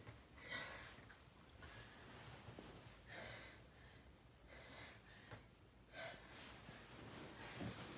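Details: Long build-up to a big sneeze: quiet, repeated catching inward breaths and snorts, with faint room noise.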